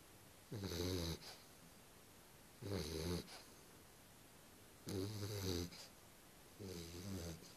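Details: Sleeping dog: four low, rattling snores at about 27 a minute, each followed by a quiet pause; snoring.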